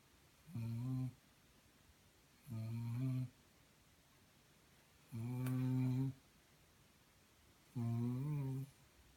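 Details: Snoring during sleep: four regular, low, humming snores on inhalation, about 25 a minute, with quiet pauses between them.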